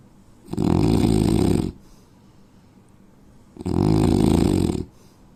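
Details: Indian man snoring in sleep: two loud, harsh, rattling snores about three seconds apart, with quiet between.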